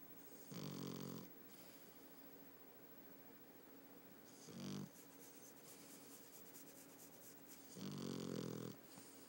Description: Mochi, our 2 y.o. puggle girl snoring her her heart out. This is a little quieter than usual.